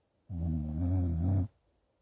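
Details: Sleeping dog snoring: one loud, deep rumbling snore lasting just over a second.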